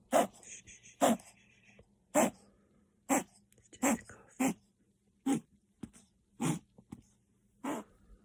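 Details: Chihuahua puppy with kennel cough, about nine sharp snorting airway bursts roughly one a second: reverse sneezing.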